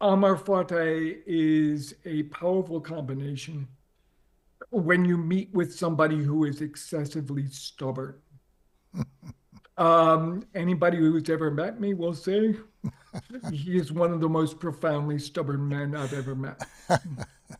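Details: Adult man with ALS diagnosed four and a half years earlier and now near end stage; paralysis spread from right calf through legs, core, arms and hands to the neck; uses a ventilator to inflate his lungs to speak; difficulty speaking and breathing; dysarthria (ALS).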